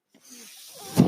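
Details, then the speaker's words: Mechanical ventilator of the podcaster, heard while he talks: a soft hiss of airflow builds to a brief loud puff; ventilator breathing sounds. "my name is that noise of hearings my ventilator and thank you for tuning in"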